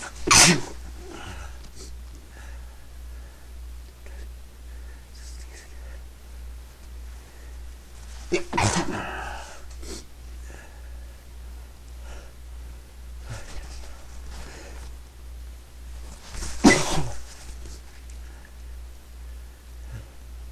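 Three sneezes, each partly stifled, over a steady low hum of room noise, with breathy exhales afterward. Ordinary sneezing.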